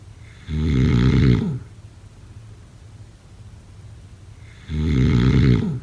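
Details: Two loud, low, rattling in-breaths about four seconds apart with quiet between them; snoring during sleep.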